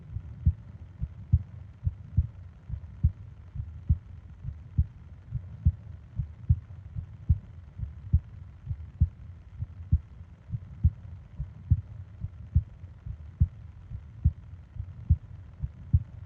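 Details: Heartbeat and breathing sounds for ASMR sleep: a regular low thumping heartbeat at about 70 beats a minute over a faint hum; normal heart rhythm.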